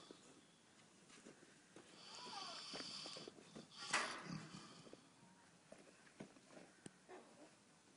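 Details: Sleeping pig: soft, rough snoring breaths with a snuffling snort amid quiet room noise. Pig snoring.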